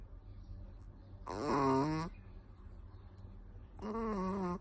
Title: Chihuahua lakas maghilik(snore)